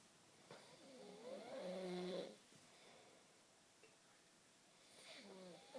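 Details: Snoring on the couch: two snoring breaths with a rattling, pitched buzz, separated by a quiet pause, in a quiet room.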